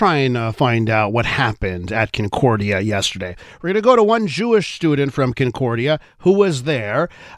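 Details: Adult male speaker; Normal voice.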